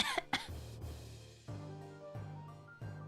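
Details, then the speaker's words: Two quick, deliberate coughs from an adult, with background music, while a pet that mimics the owner's coughs and sneezes copies the coughing: voluntary cough. "he's in his go coughing. He wants to cough, too."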